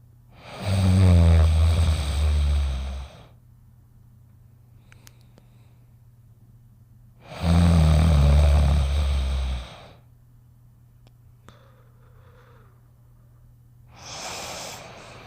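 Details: Sleeping dog snoring: long, low, rattling snores about every seven seconds, roughly 9 a minute, with quiet pauses between them.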